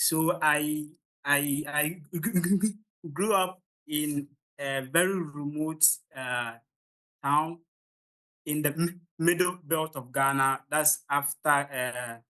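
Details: Stuttering (stammering) in an adult man from Ghana, the only one of 16 siblings who stammers, speaking during a public talk.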